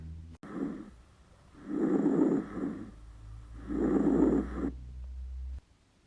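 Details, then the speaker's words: Soft, low-intensity, low-pitched murmur-like breath sounds over the peripheral lung and bases, louder and longer on inspiration: normal vesicular breath sounds. "murmullo vesicular tiene baja intensidad es de un tono grave como un murmullo se localiza en el pulmón periférico en su base y se escucha mejor en la inspiración"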